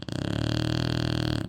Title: My Snoring Shar Pei (Diesel)